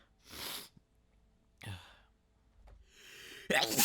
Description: I soaked my shirt, pants, computer keyboard, and mouse with this rapid sneeze fit!